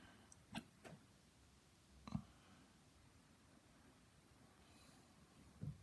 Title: Hiccups again (audio only)